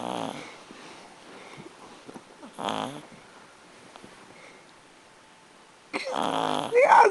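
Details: Sleeping dog: short snorting, rattling snoring breaths over a quiet room, with a louder snort at the end before he wakes.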